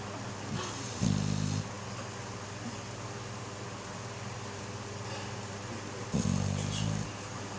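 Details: Snoring: two low, buzzing snore breaths about five seconds apart over constant background noise, from a sleeper.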